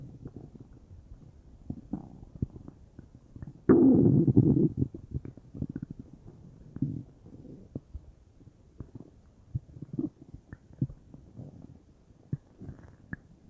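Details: Bowel sounds (borborygmi) from a belly that felt bubbly, stomach or intestines unsure: low gurgling and bubbling with one loud rolling rumble and scattered pops, active gut movement of gas and fluid.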